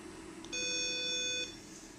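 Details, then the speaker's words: Patient monitor on an anesthesia (Boyle's) machine during pre-use checks: a single steady high electronic tone lasting about one second over quiet room noise; patient monitor power-on beep. "Then you have to check the monitor is power charging or not. That also we have to check. So how to on means"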